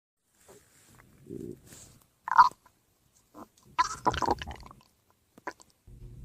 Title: FUNNY Stomach Growls @StingyNewBrunswickHPT